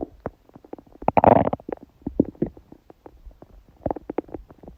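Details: Loud gurgling bowel sounds (borborygmi) recorded from a woman's abdomen during menstruation, with only a dull ache felt.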